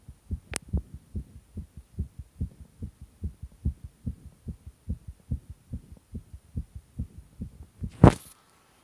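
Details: Strong, fast, regular thumping heartbeats with a steady hum behind them and a loud knock at the end; a pounding heartbeat.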